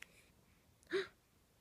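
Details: 3-week-old infant: a single short, sharp voiced catch of breath in a quiet room; hiccup.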